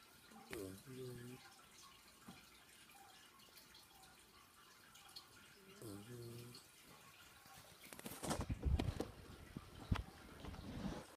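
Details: A sleeping dog snores: two tonal, buzzing snores about five seconds apart, followed by rustling and splashing noise.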